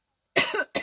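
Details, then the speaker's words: Two short, harsh cough bursts in a quiet room, the second cut off, from an adult woman coughing while her husband has a cold; ordinary cough. "Bah, allez, écoutez, alors lui, il tousse et il mouche et moi, je tousse. Quel binôme."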